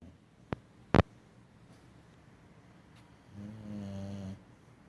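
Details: Sleeping dog named Tucker snoring: two sharp clicks, then one low, buzzing, drawn-out breath.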